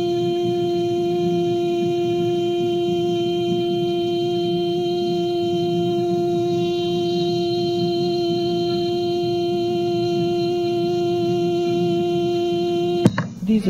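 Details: Vocal function exercise one: vowel sustained as long as possible on a musical note, to strengthen laryngeal muscles and improve vocal fold adduction; sustained vowel exercise.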